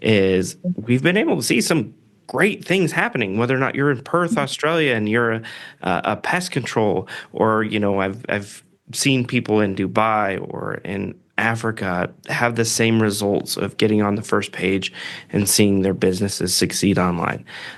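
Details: Adult male speaker; typical voice.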